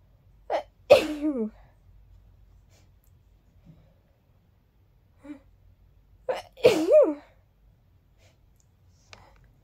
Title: Sneezy sneezes 🌺